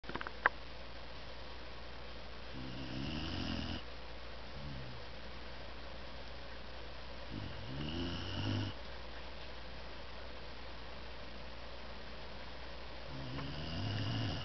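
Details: Female Dalmatian, exhausted after a week of hiking and swimming, asleep upside down on a camper bed, snoring unusually loudly: soft, fluttering snores about every five seconds, roughly 12 a minute, over room hiss.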